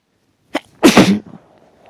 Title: Half asleep allergic sneezing